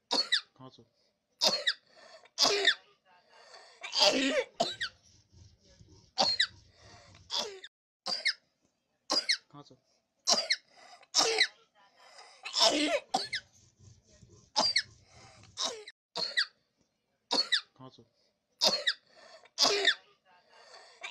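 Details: Repeated short, high-pitched squeaky whistling coughs from a 4-year-old boy with a two-day persistent cough; a toy whistle was lodged in one lung, which the x-ray showed was hyperinflated.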